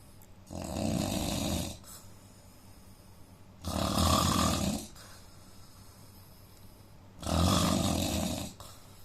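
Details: Adult Indian man snoring during sleep, nasal problem: loud, rough, rumbling snores about every 3.5 seconds, roughly 17 a minute, with quiet pauses between.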